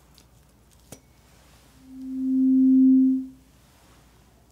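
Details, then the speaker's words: A struck tuning fork at a slightly higher pitch gives a pure, steady, low humming tone that swells and fades over about two seconds, moved between the ears in a roleplay (simulated) cranial nerve hearing test. "all right same thing just a slightly higher pitch we're going to move between your ears same as we just did sound good"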